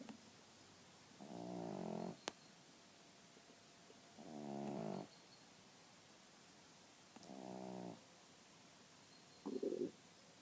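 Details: Female pug resting and snoring like a trucker: loud, rattling snores about every three seconds, ending in a short snort; flat-faced dog snoring.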